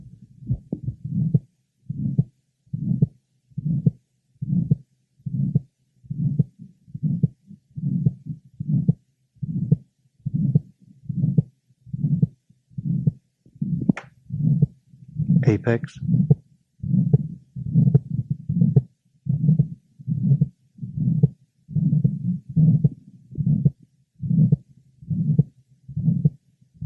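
Regular heartbeat at about 72 a minute with a harsh murmur filling the space between beats, heard at the lower left sternal border and apex. This is the murmur of severe aortic stenosis, caused by blood forced through a narrowed aortic valve. Brief handling noise partway through.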